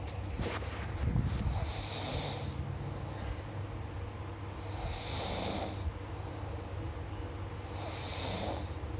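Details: Sleeping person snoring: three rough, rattling breaths drawn a few seconds apart over a steady background hum.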